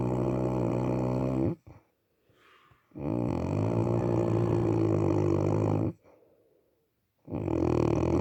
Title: Snoring 😁